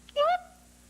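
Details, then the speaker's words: Acted courtroom scene from the TV drama LA Law: a man with Tourette syndrome gives a single sudden, short voiced yelp with rising pitch; simulated simple vocal tic. "Why'd you just make that sound? >> I have Tourette's syndrome. Would you tell the court what that is? >> It's a neurological disorder. It causes me to make sounds or say words or twitch in different ways."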